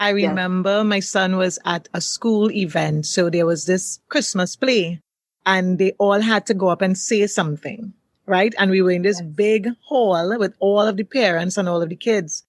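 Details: Adult speaker; fluent speech.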